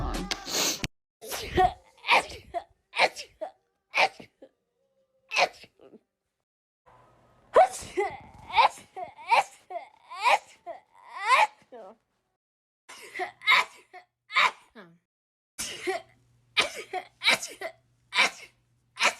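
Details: A compilation of people sneezing, with allergies mentioned: a rapid run of sharp sneezes in quick bursts, with short pauses and some light talk between them; repeated sneezing attacks.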